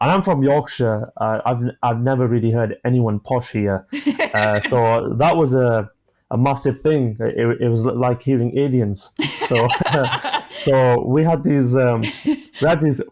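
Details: 25-year-old man with a stammer since early childhood, onset after an asthma attack, describing blocks managed with breathing methods and pauses; stammering.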